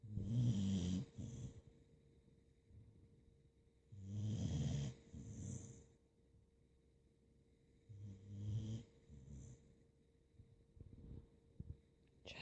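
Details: Snoring during a nap: low, rattling snores on each breath in, about 15 a minute, with quiet pauses between them; ordinary snoring.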